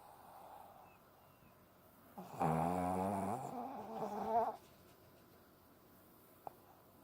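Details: A single loud, drawn-out buzzing snore lasting about two seconds, rattling on the breath, in a quiet room, from a Lhasa Apso dog asleep in someone's arms; loud snoring.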